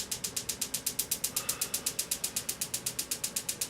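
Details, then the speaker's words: Extracorporeal shockwave therapy unit treating Achilles tendonitis: steady, sharp, hard clicking pulses, about four a second. "unfortunately this isn't the most comfortable procedure experience but it super effective so it's worth a little bit of discomfort"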